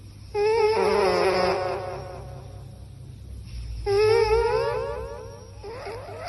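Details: Cat snoring recorded with an echo microphone: repeated wavering, tonal snores roughly every three and a half seconds, with echoey effect.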